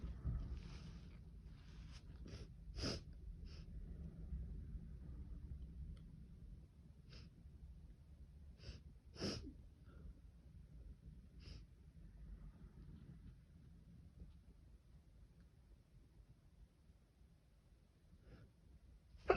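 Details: Repeated harsh sneezes, about eight spread through the clip with breathing between, starting mild; a sneezing fit.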